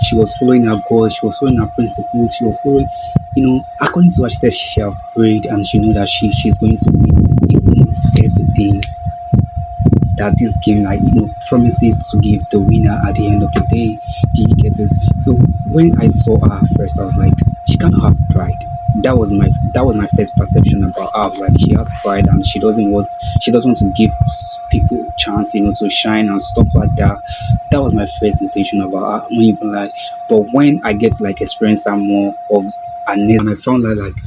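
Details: Male video host who self-identifies as a stammerer, stuttering with a broken word and a repeated word; stuttering.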